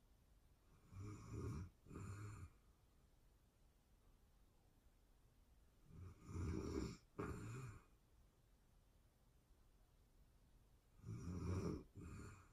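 Deep, rumbling snores in paired bursts, about 12 breath cycles a minute, with quiet gaps between them.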